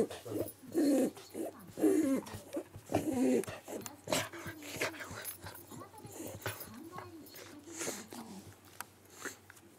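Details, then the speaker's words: Shiba Inu, female, 5 years old, her first episode: three loud, harsh snorting breaths in a row, then softer snuffles and whimper-like sounds; owner thinks it is reverse sneezing. "逆くしゃみだと思うけどこれ。"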